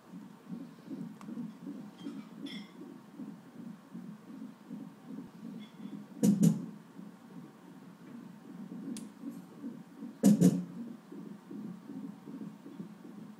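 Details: Fetal hiccups at 38 weeks of pregnancy heard on a tocograph monitor: fast, steady fetal heartbeat whooshes interrupted twice by sharp loud thumps.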